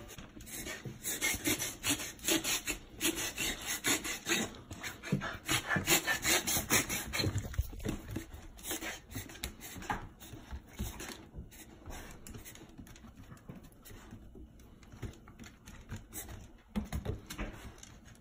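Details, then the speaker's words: 4-month-old puppy with vet-confirmed kennel cough, later treated and recovered: rapid, harsh, rasping coughing bursts in runs. "So I've got some videos here of this 4-month-old puppy who has confirmed case of kennel cough."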